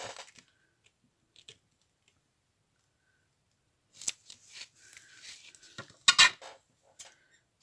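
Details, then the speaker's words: A daughter sneezing at a distance, one sharp loud burst after quiet clicking and handling noises; she recently finished a seven-day treatment and a doctor visit is being considered. "je pense que vous l'avez entendu c'est ma fille qui éternue"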